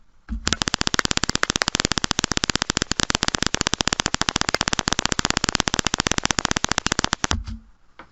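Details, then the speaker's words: Fast, steady train of crisp clicks, about 11 a second for 7 seconds: concentric needle electrode jitter (single-fibre) EMG recording close to two muscle fibres, giving sharper signals. "this is the sound of it and here is another recording with the concentric needle electrode when we are little closer to the two muscle fibers and we get little more sharp signals"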